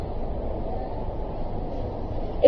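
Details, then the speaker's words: Rhonchi played on a lung simulator in a teaching video on breath sounds: a steady, low-pitched rumbling breath sound, described as pointing to secretions somewhere in the airway. "sonido que escuchan, ¿es grave o agudo? Primera cosa. Es grave. Entonces, ¿qué le dije yo? Que me habla de que hay contenido en la vía respiratoria en alguna parte."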